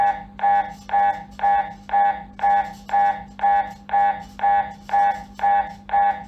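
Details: Loud, steady buzzing beeps at about two a second, evenly spaced: MRI scanner gradient knocking recorded during an MRI.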